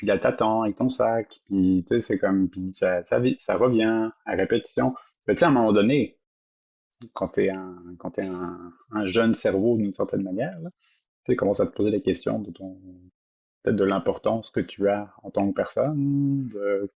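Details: Adult woman with lifelong stuttering who reports still experiencing dissociation during stuttering moments; stuttering.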